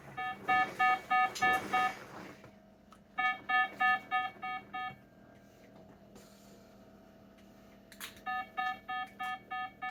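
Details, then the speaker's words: Bursts of rapid, high electronic beeps from a pulse oximeter alarming as heart rate drops to 48, 47, 46 during syncope in a woman with 22q11.2 deletion syndrome after a neuro physio session, with seizures and dystonia; oxygen 95–96%. "So again, heart rate drops 48, 47, 46."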